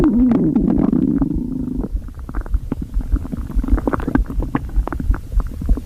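Low gurgling rumbles with rapid bubbling pops, continuous through the clip. Ordinary stomach growling.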